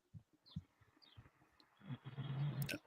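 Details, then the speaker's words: A friend's dog lying on a couch during a podcast recording snores with soft low snorts, then a longer, louder rumbling snore on one breath. "Just always on the other side of this couch. And it's always snoring, but I'm surprised no one's ever said anything."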